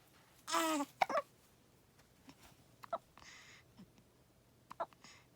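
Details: 14-day-old newborn: a brief fussy cry, then soft, sharp catches at irregular intervals in a quiet room; newborn hiccups.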